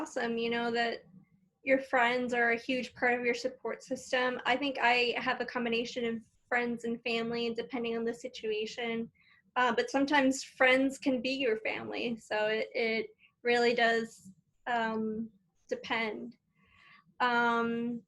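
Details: Adult woman speaking; ordinary speech.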